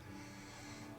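A low, steady rumbling snore from a sleeping dog, caught in a single brief stretch.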